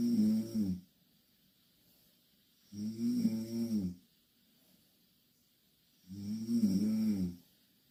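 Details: Snoring from two Korean girls sleeping in the same bed: loud, low, rattling snores on each in-breath, roughly three seconds apart, with quiet pauses between.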